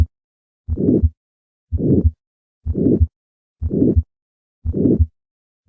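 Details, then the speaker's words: 80-year-old man with recurrent syncope, diaphragm at the second right intercostal space: systolic crescendo-decrescendo murmur with a harsh, unpleasant quality, an aortic stenosis murmur. "crescendo decrescendo again don't be alarmed if you find the shape difficult to identify when you're first starting out now what about the pitch it's kind of hard to say what the pitch is it has just a qualitatively unpleasant nature to it which is usually labeled harsh"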